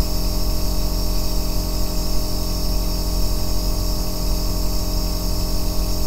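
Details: Aerosol nebulizer compressor running continuously, recorded as an ASMR white-noise track for sleep and relaxation: a low motor drone and faint hiss at a steady level.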